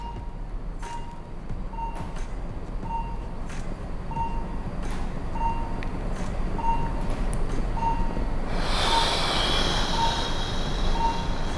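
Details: Demonstrator's own pulse oximeter and ECG monitor during a cyclic breathing demo for anxiety: beeps around 75 per minute, unevenly spaced, rise with the inhale and slow over a 10-second mouth exhale; normal respiratory heart rate variation.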